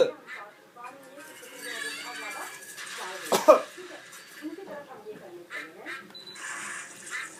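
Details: Young boy imitating his father's cough: voluntary, imitated cough.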